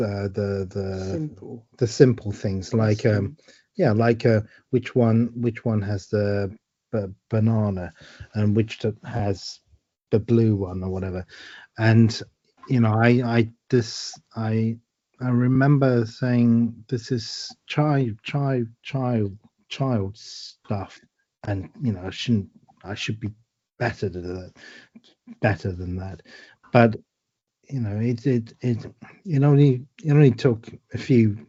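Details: Woman with aphasia after a stroke eight years ago, helped by speech therapy exercises and home speech therapists; word-finding difficulty with word repetitions and substitutions; aphasia.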